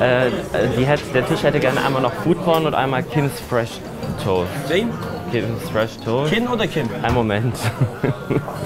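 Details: Young man with Tourette syndrome, working as a waiter taking a phone call and seating guests; involuntary vocal tics occur mid-sentence.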